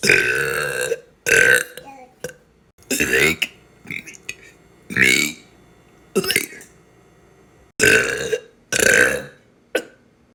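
A run of about eight loud, gurgling belches with short pauses between them, each a low throaty burst. Repeated burping.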